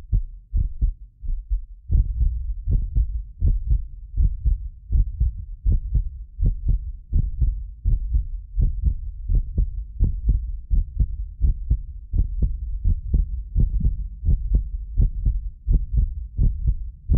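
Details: Steady low thumping heartbeat at about 85 a minute from a medically fit adult, recorded with several precision contact microphones. The occasional doubled click comes from the microphone delay. Normal heart sounds.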